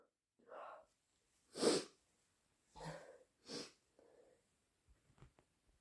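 Several forceful sneezes brought on by sneezing powder, with wet sniffles between them and faint nose sounds at the end.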